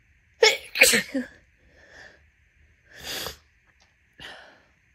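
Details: Induced sneezing in someone whose nose had itched all day: a quick double sneeze, then two more wet, spraying, messy sneezes with soft breaths between; repeated sneezing.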